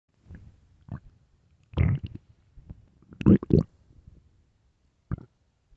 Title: late night stomach growls part 2